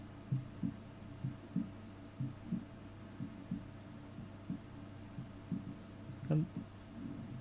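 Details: Normal heart sounds recorded with a DIY digital stethoscope at maximum microphone gain: regular soft low thumps, about 70 a minute, with a stomach gurgle near the end.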